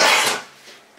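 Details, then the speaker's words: Dog with mild tracheal collapse, airway partly collapsing and prone to gagging and regurgitating: one harsh, dry gagging cough, as though retching up a hairball, typical of tracheal collapse. "he has a mild condition called tracheal collapse where part of his airway collapses in on itself making him just more sensitive period more likely to gag and regurgitate"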